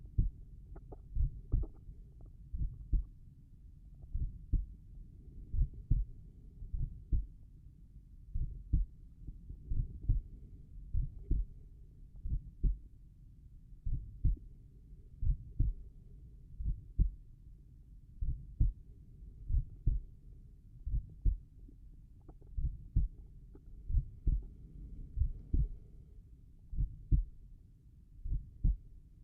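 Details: Normal heart sounds at the tricuspid area, slow steady lub-dub at about 40 to 45 beats per minute.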